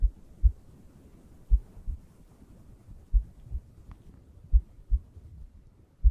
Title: Let's Relax Now: ASMR Heartbeat Sounds Guiding You To Sleep